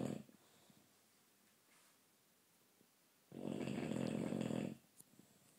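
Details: Sleeping bulldog, tired after an afternoon picnic with other dogs, gives a loud, rough, rattling snore lasting over a second after a long quiet pause and an earlier snore's tail.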